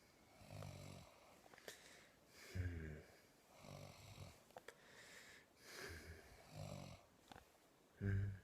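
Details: Snoring during sleep: rhythmic low rattling snores with breaths between, about six in eight seconds, with a few faint clicks.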